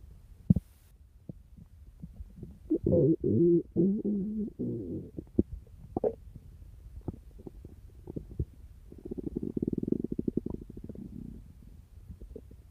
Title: PDS 1999 boy and girl's stomach growling